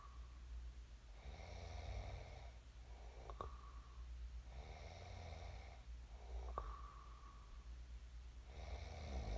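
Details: Real sleep snoring of a person who snored and then woke up: soft, low snoring in a quiet room, faint click on each out-breath, roughly 20 breaths a minute.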